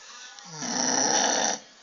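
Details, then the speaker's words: One loud, harsh, raspy snore lasting about a second from a sleeping female dog described as snoring very loudly; her belly moves with the snore. "agora para vocês eu vou botar a cachorra que mais ronca no mundo Hana"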